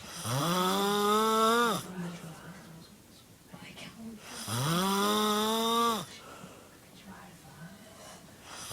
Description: My friends funny snoring enjoy